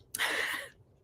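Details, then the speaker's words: An old dog in the background gives a single harsh, breathy burst with a sharp start: one dog cough. "If you can hear that noise in the background, that is my old man dog"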